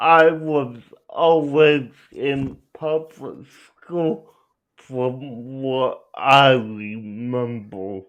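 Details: Adult male speaker; dysarthria (cerebral palsy).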